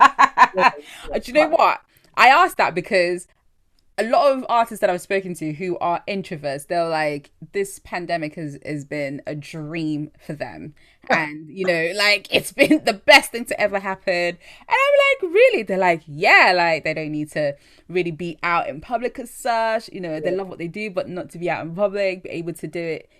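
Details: Adult woman speaking; typical speech.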